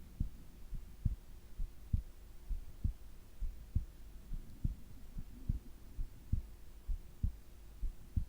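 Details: Heart and breathing sounds recorded during sleep: soft, low heartbeats at about 66 beats a minute with a faint background hum; normal heart sounds.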